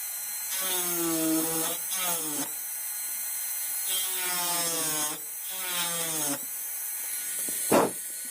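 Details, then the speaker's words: Dental high-speed handpiece on a typodont mandibular first molar (#36), full veneer crown preparation, cutting buccal depth orientation grooves: high-pitched whine in short runs, dipping slightly under load. "So we have 4 grooves. One groove for the mesiobuccal cusp tip, one groove for the mesiobuccal groove, one groove for the mid-buccal cusp tip, and one groove for the distal buccal groove."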